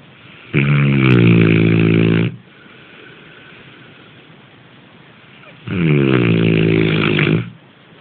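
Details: Two long, loud, buzzy snores, each close to two seconds, with a quiet pause between; rhythmic sleep snoring.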